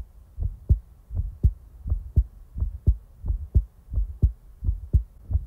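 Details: Steady, soft, regular lub-dub heartbeat, about 85 beats a minute, recorded in real time; ordinary normal heart sounds.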